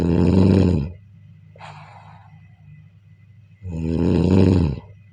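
Loud, deep, rattling snores on the in-breath, two in about five seconds, with a quiet breathy exhale between them. Typical heavy snoring.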